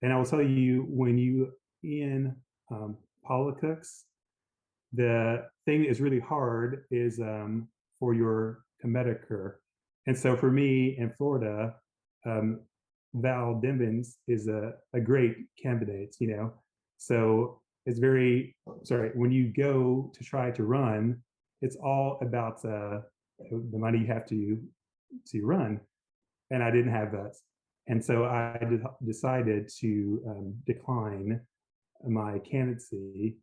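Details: Aphasia in an adult woman after a gunshot wound to the head in January 2011; she reports the words are in her brain but she can't get them out; speech short and effortful.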